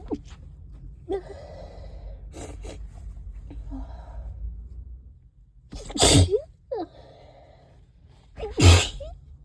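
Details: Person stuffed up all day with nasal congestion, recorded in a closet with thuds: snuffly, wet nasal snorts, a stifled sneeze, then two forceful sneezes; sneezing.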